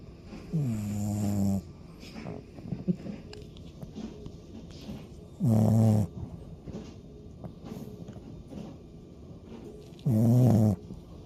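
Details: Loud snoring at night, apparently from one of the owner's two pups, keeping the owner awake.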